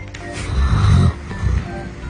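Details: Sleeping Chinese wolf at a breeding base in Xinjiang snoring: a deep, low rumbling snore, one long rasp followed by a shorter one, with faint background sound.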